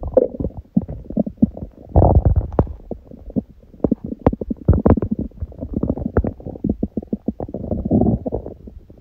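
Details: Hunger stomach growling, long recording: low rumbling with rapid rattling pops and gurgles; ordinary borborygmi.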